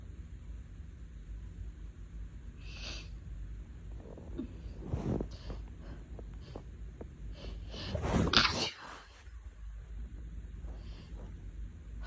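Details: Quiet sniffs and breaths build to a sharp, forceful sneeze burst, induced by tickling the nose with a thin makeup brush, from an adult with a lingering cold and a sensitive nose, while in bed.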